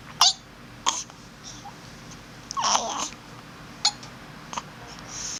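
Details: Young child with hiccups: several brief, sharp, spaced catches of breath amid soft babbling and room noise.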